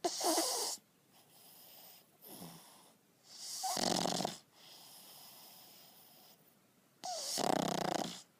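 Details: Pug dog deep asleep after a hard day and a big dinner: loud rough snorting snores on each inhalation with softer whistling breaths between, about three cycles in eight seconds; snoring.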